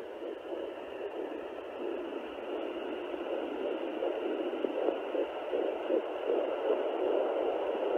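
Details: Fetal heartbeat at 10 weeks 6 days of pregnancy on a Sonoline B 3 MHz pocket home fetal Doppler, probe below the belly button: rapid whooshing pulses at about 158 a minute, within the normal range.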